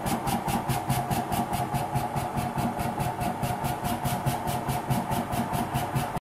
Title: 10 PEGASO Cough Assistance Perc Therapy